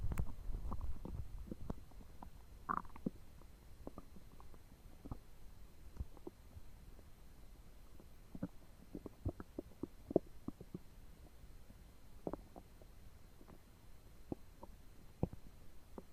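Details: Stomach noises while digesting two foot-long sandwiches and a pint of cola: frequent gurgles and soft pops from the abdomen, ordinary bowel sounds of active digestion.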